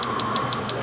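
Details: Rapid regular clicking pulses, about six a second, over a steady machine hum from a focused shockwave therapy device treating the knee of a former football player with patellar tendinitis; intensity being built up to tolerance.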